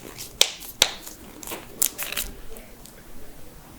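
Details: A few sharp pops and crackling clicks in a quiet room from a joint being manipulated, in a head-to-toe compilation (knuckles, necks, toes, backs, ankles, hips, wrists, jaws); harmless joint cracking (cavitation).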